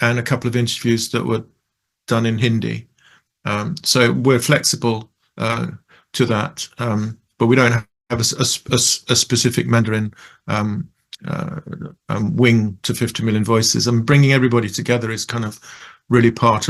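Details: Adult male who describes himself as a person who stutters; stuttering.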